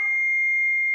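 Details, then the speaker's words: Training demonstration of an AED with preconnected pads during CPR: a steady high-pitched alert tone after "shock advised, charging, stay clear," prompting the rescuer to press the orange shock button. "shock advised charging stay clear of patient deliver shock now press the orange button"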